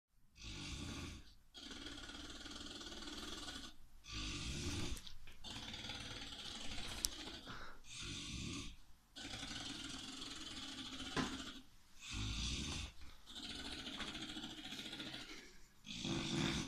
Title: Snoring like an animal